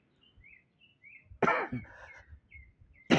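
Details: Two harsh coughs a second apart and the start of another, outdoors with birdsong, interrupting a man's political speech; he then asks for hot water and honey and is reportedly under medication; cough.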